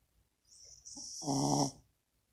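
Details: Dog asleep, a single rattling, snorting breath with a noisy inward phase, said to snore louder than its owner; dog snoring.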